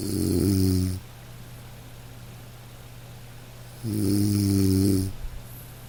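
Two gentle, low, rumbling snores about three seconds apart over steady rain; ordinary snoring of a sleeping dog.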